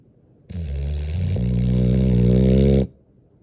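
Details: Sleeping boxer puppy snoring: a single long, deep, rattling snore.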